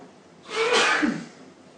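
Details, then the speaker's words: A man deliberately sneezing on camera: a single sneeze with a short inhaled build-up, then a forceful, hissing burst of air. "Where to sneeze. Can't stop sneezing."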